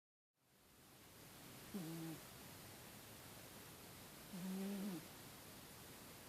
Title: Spider the Cat snoring and dreaming